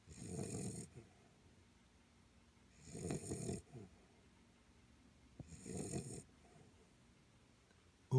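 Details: 10-week-old guide dog puppy in training snoring while asleep: three rough, rattling snores about every three seconds (roughly 20 breaths a minute), with quiet pauses between.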